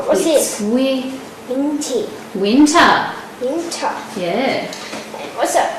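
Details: 10-year-old boy with an epileptic encephalopathy and moderately impaired speech; dysarthria.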